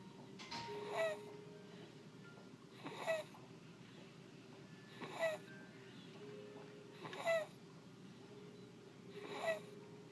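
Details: 3-month-old infant with stridor: harsh, high-pitched whistling noise with each breath cycle.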